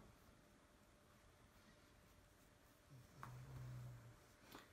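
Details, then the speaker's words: Sleeping dog in a quiet room: one low, buzzy snore lasting about a second and a half. "vous entendez ronfler vous inquiétez pas c'est mon chien qui dort"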